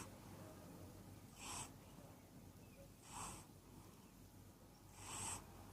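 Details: Male cat sleeping half in his bed in the sun: quiet, rhythmic whistling snuffle snores about every two seconds, roughly 30 breaths a minute; snoring.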